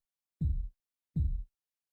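Two low, dull thumps about 0.75 seconds apart, simulated Korotkoff sounds heard during cuff deflation.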